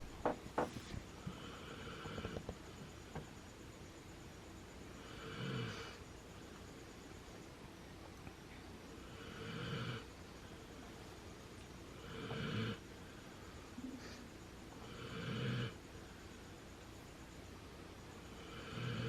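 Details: Dog snoring while sleeping next to his sister dog: a few sharp knocks, then soft, rough snoring breaths recurring about every 2.5 seconds.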